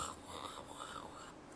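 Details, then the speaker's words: Simulated fine crackles of pneumonia: a soft, fine crackling rustle made by rubbing hair near a microphone, imitating secretion-filled alveoli opening on auscultation. "Esse barulhinho é o alvéolo com secreção abrindo, ok?"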